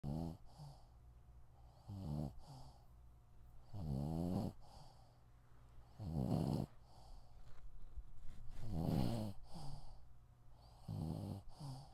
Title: Cute snoring dog